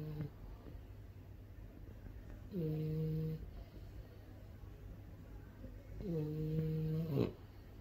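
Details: French bulldog snoring: loud, droning snores with a tonal, buzzing quality on two long in-breaths during sleep.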